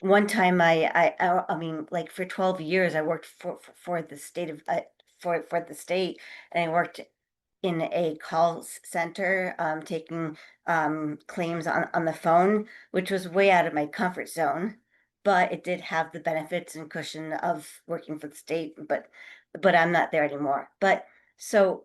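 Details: Adult who stutters, taking part in a stuttering support meeting, with repetitions and filled pauses; stuttering.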